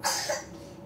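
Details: Single short cough from a child in the background of a quiet room during a camera unboxing.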